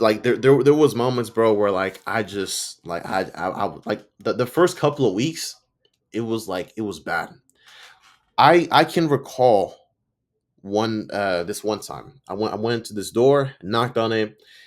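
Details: Stuttering in an adult man, self-reported, with audible sound and word repetitions; he says he sometimes stutters and butchers or mispronounces words.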